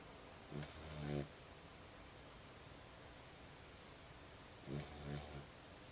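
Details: A sleeping dog gives two buzzing, fluttering snores about four seconds apart, with quiet breathing between them.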